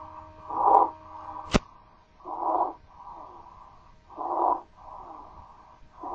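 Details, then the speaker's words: Harsh, high-pitched noisy breaths about 33 a minute, produced in the larynx from inflammatory or mechanical narrowing, part of upper airway obstruction: stridor. "sonido que se produce básicamente en la laringe y nos da una idea de una estenosis sea inflamatoria o de tipo mecánico es parte del síndrome de la obstrucción de la vía aérea superior"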